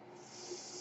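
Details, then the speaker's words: Soft, steady airy hiss, rising slightly in loudness, as the speaker's own mechanical ventilator delivers a breath while he records a spoken podcast. "name is. That noise you're hearing is my ventilator."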